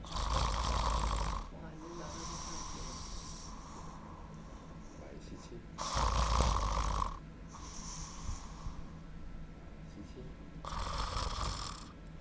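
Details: Loud, harsh snoring in bursts with noisy, strained breathing between them, from a patient with tonsil hypertrophy causing snoring and obstructive sleep apnea.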